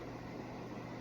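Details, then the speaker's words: Simulated tracheostomy suctioning: catheter inserted 4–5 inches, suction under 10 seconds with intermittent occlusion during withdrawal; steady mechanical hum and hiss of a suction device running. "Now I'm going to begin suction and removing the catheter, making sure that I'm not doing this for longer than 10 seconds."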